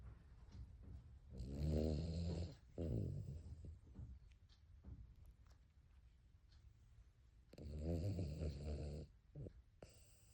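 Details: Cavalier King Charles Spaniel sleeping, low rattling snores with several long drawn-out breaths and quiet pauses between; dog snoring.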